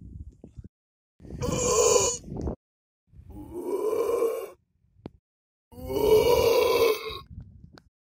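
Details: Burping outdoors at a dyke in Moorwerder: three long, loud, voiced belches with a deep, rumbling tone, separated by short pauses, plus a few faint clicks.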